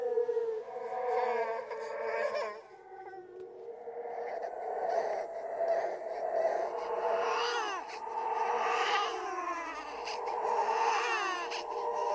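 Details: Horror sound-effect track of a ghostly baby crying: drawn-out, wavering, high tonal crying with an eerie processed sound. The cry is composed with other creepy sounds.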